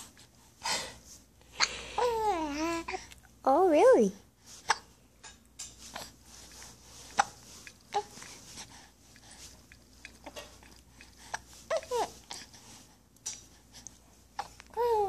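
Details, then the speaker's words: Young child talking through hiccups: babbling and squeals broken by short, sharp catches in the voice as hiccups interrupt the speech, while an adult remarks it is hard to talk with hiccups. "You got the hiccups. She made a noise before you started doing anything. You don't need to make noise. It's hard to talk with the hiccups, huh?"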